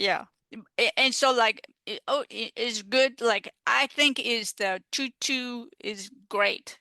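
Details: Adult female stroke survivor with aphasia caused by stroke, in recovery, who uses an app; aphasia.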